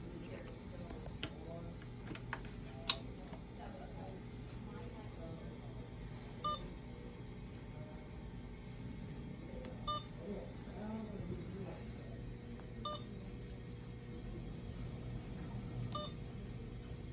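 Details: Alaris syringe infusion pump being set up for epoprostenol (Flolan/Veletri) inhalation therapy in a demonstration: short electronic beeps and key-press tones over quiet room noise.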